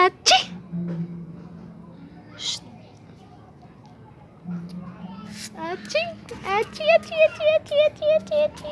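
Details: A 14-month-old toddler's fake, imitated sneeze: breathy 'ah-choo'-like bursts amid adult chatter and the child's high vocalizing.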